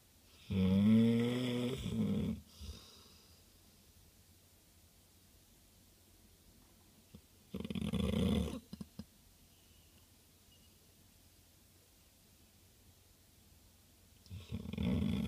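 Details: Snoring during sleep: slow, rough, rattling snores with long quiet pauses, about 8 per minute.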